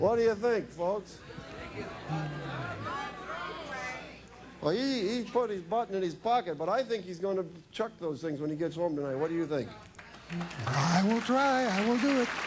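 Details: Adult male speaker, possibly with a second voice; ordinary speech.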